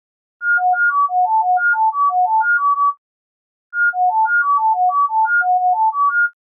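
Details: Acoustic coordinated reset (CR) neuromodulation tinnitus-therapy tone sequences: rapid, short pure beeps hopping among four nearby pitches, sampled from 1000–10,000 Hz at 1000 Hz intervals, 10 seconds each.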